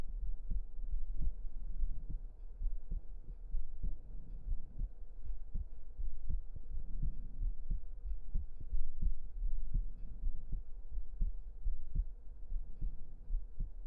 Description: This video will be mainly close up and relaxing hearbeat sounds.